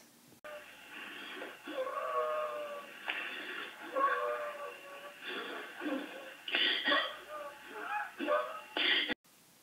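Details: Wheeze: repeated breaths carry high-pitched, musical whistling tones from narrowed airways, as in an asthma attack or anaphylaxis.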